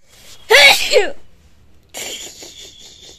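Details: A quick breath in, then one sharp, forceful, wet, uncovered sneeze, followed by softer hissing breaths.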